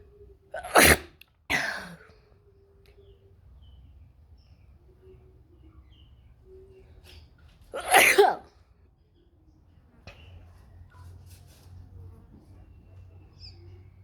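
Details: Three forceful sneezes, two in quick succession and one later, over low room noise; sneezing.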